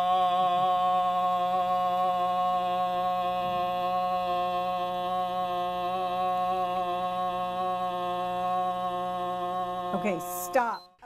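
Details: Male former physician with Parkinson's disease, whose voice is progressively weakened, in SPEAK OUT!/LOUD Crowd voice therapy holding a sustained 'ah' after a 'me may my mo moo' warm-up, aiming for 85-90 dB; sustained vowel phonation exercise.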